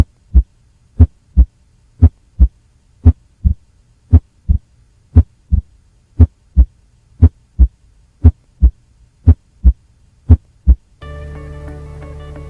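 Regular low heart sounds at about 58 beats a minute in a gallop cadence: a third heart sound (S3). Music starts near the end.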